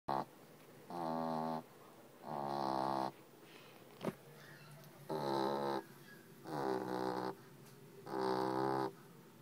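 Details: A sleeping French bulldog puppy gives loud, tonal, buzzing snores, five in about nine seconds, each under a second with quiet gaps: snoring.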